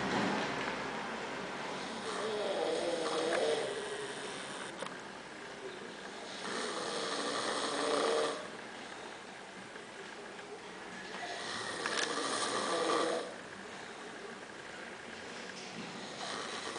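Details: Young woman snoring: slow, regular rasping snores on each inhalation, about 13 breaths a minute, with quiet pauses between.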